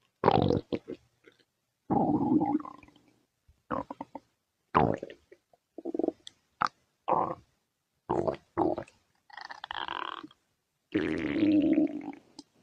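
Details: Irregular bursts of gurgling and rumbling from the abdomen; ordinary stomach growling (borborygmi).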